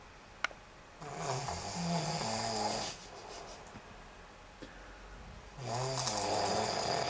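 Two rough, buzzing snoring breaths over steady room hiss, with a soft click near the start; snoring.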